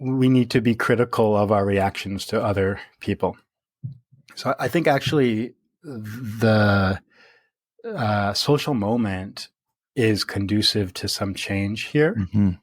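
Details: Stuttering in an adult man who stutters, speaking naturally in conversation.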